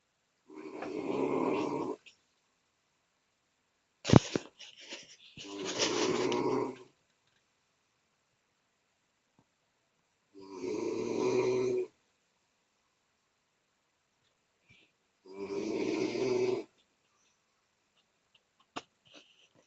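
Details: Person asleep, possibly in a chair, who claims not to snore: loud, rough, fluttering breaths in a quiet room about five seconds apart; snoring during sleep.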